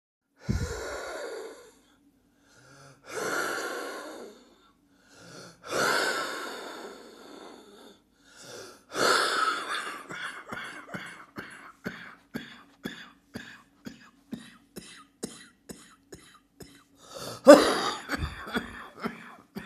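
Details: Heavy chest cold: noisy, whistling breaths followed by a long run of short, rapid wheezy bursts; wheezing with cough.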